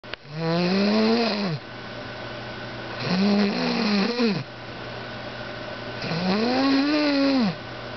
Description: My girl sleeping and snoring loud...